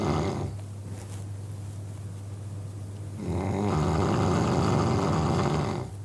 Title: Man snoring sound effect- very disturbing